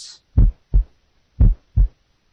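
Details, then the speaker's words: Normal single second heart sound at the left lateral sternal border on a teaching recording of S2 at various auscultatory sites. "listen now to a normal second sound at the various oscillatory sites left lateral sternal border single second sound"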